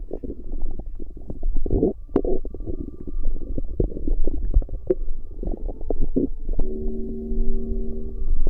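Low gurgling and rumbling from the abdomen with irregular bubbling pops, ordinary bowel sounds.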